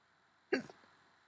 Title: Hiccups once again!